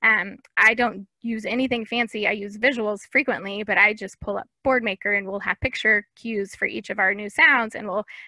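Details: Adult woman speaking; typical speech.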